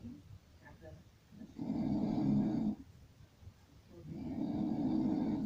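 Two long, loud, rough snores on breathing in, with quieter breathing between them. Heavy snoring during sleep.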